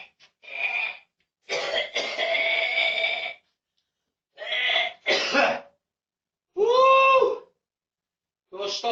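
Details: Adult man deliberately putting on a series of forced coughs and throat clears, accused by a family member of faking them to complain the room smells and to control elderly disabled parents; a voluntary, put-on cough.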